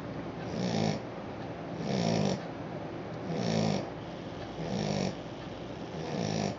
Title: Adorable Snoring Puppy-Cute Aussie